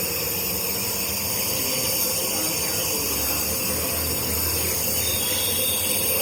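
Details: Nebulizer used on a baby to reduce cough: steady mechanical hiss and hum of the compressor running without pause; nebulizer running.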